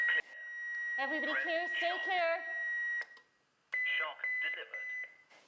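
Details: Simulated cardiac arrest training with a live HeartStart XL defibrillator in AED mode: steady device tone and beeps under a spoken prompt after two minutes of 30:2 CPR; AED rhythm analysis prompt while team clears patient and bed.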